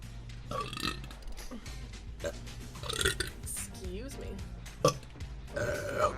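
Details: Female streamer burping during a live stream, from a burp compilation: several loud, croaky belches between bits of talk and "excuse me", over background music; ordinary burping.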